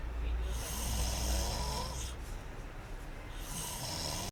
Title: Scary snoring